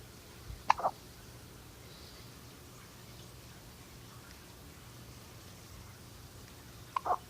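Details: An infant gives two brief, quiet hiccups about six seconds apart in a quiet room; infant hiccups.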